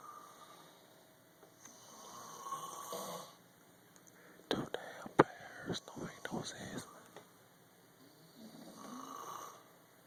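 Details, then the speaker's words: Snoring during sleep: soft, rasping snores repeating slowly, with whispered talk over the middle and faint room noise. "Two damn gorillas in a damn hotel. Keep me up."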